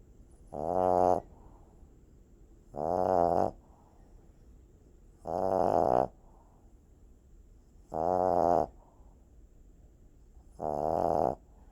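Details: Sleeping puppy with five loud, rough, vibrating snores at regular intervals (about 24 a minute) and quiet pauses between. Loud snoring.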